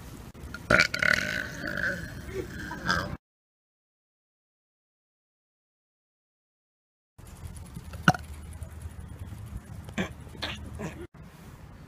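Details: Deliberate burp in public as a prank: a long, loud, drawn-out voiced belch, then a pause and noisy background with clicks.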